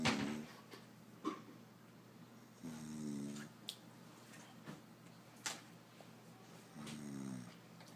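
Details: Person snoring: soft, rasping snores recurring with each breath during sleep, with quiet gaps between them in a small room.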